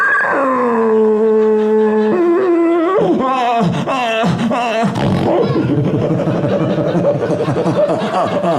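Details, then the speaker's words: Adult man diagnosed with sleep apnea, using CPAP, imitates his own snoring in a comedy routine: a voiced moan breaking into rapid, rough, roaring growls, exaggerated loud sleep-apnea snoring. "For those of you that don't know, sleep apnea means I snore like a monster. When I say I snore like a monster, I don't mean it's like, what's that racket? I mean, it sounds like there's a monster in your home and it wants to murder your entire family."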